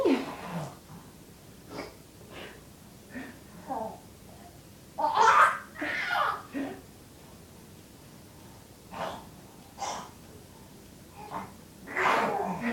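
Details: 5-month-old infant pretending to sneeze: repeated breathy snorts and sneeze-like bursts mixed with babbling, an imitation rather than true sneezing. Pretend sneezing.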